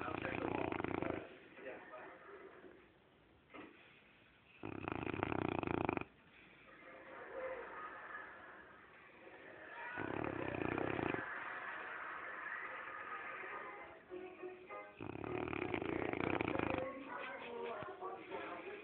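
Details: A sleeping Cane Corso dog snoring: loud rumbling snores about every five seconds (roughly 12 per minute) with quiet gaps between, steady sleep snoring.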